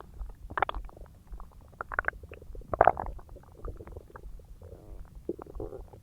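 Loud gurgling and rumbling abdominal noises, irregular bursts of bubbling and squeaks: ordinary bowel sounds of digestion after a large meal.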